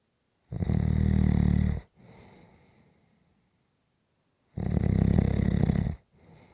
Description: This is a 6 minute clip of snoring.